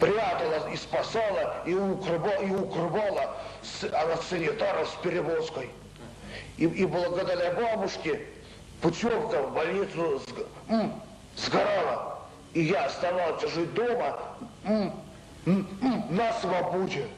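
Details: Adult man with mild intellectual disability (debility) and speech pathology, recorded in a 1995 psychiatric interview film; speech disorder in mild intellectual disability.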